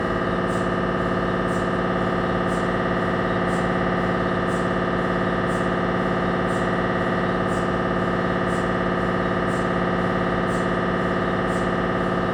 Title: 🧲 Siemens Magnetom Avanto MRI Sounds 1.5T